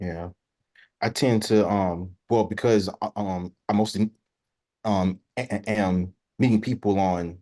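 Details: Adult who stutters, real, speaking as a panelist sharing personal experience in a webinar on dating and stuttering: stuttering.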